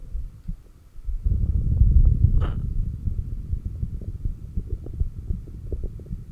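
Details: Stomach growling (bowel sounds) picked up by a stethoscope placed at the cardiac apex during breathhold exercises with stomach vacuums: low rumbling and gurgling with an irregular churning quality.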